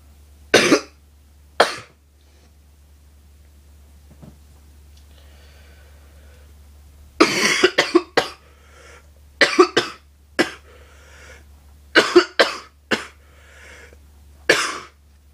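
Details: Adult coughs about a dozen times, singly and in short bouts, over a low steady hum.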